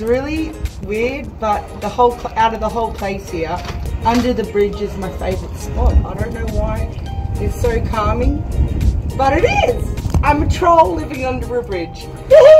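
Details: Person with Tourette syndrome who does morning exercise to lessen tics; vocal tics (Tourette syndrome).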